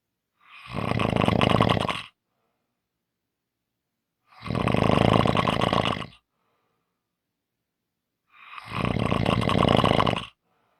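Three loud, harsh rattling snores about four seconds apart, near silence between them. Heavy snoring at roughly 15 breaths a minute.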